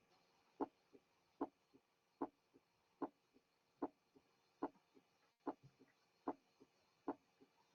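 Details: Loud first heart sound.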